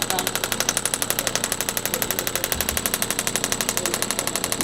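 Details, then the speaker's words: Fast, steady, clicky mechanical tapping at about four pulses a second from a radial shockwave applicator set at one bar, standard 2,000 pulses, on the calf of a patient after total hip replacement. "We'll start you up at one bar. Okay. Kind of sounds like this. Let me hit play. That's what it sounds like."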